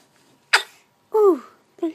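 A sharp burst followed by short voiced catches, fitting hiccups.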